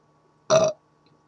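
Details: A single loud, short, voiced burp in a quiet room after loudly slurping a can of pop; belching.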